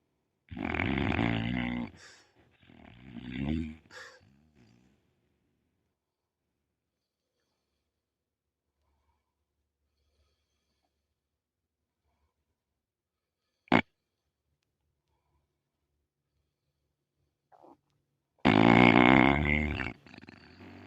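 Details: Pit bull dog snoring: loud, rough snorting breaths in bursts with long quiet gaps between them.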